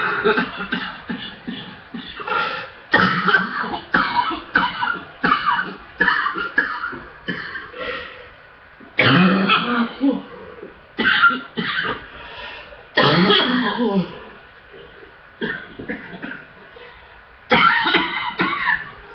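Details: Person with chest congestion in a hard coughing fit: bouts of repeated deep, wet coughs, about 20 in all, with short gaps; productive cough.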